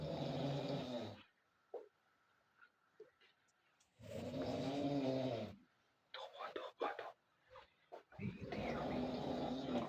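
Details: Several people snoring in a shared room around 1 a.m.: loud, harsh rattling snores in long bursts separated by quiet pauses, with faint sounds between them; heavy snoring.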